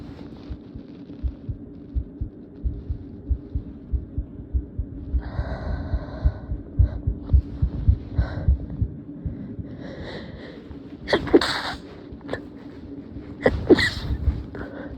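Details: Heartbeat picked up by accident through a phone resting on the chest at night while recording stifled sneezes: faint, soft low thumps repeating under a steady hum, with breathy rustles and a couple of sharper bursts.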